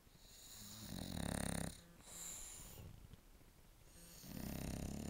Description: Cosmo (7 yrs. old) and Bella (3 months old) sleeping and snoring on the couch. Yes, bulldogs snore EVERY time they sleep like this, if not louder! :)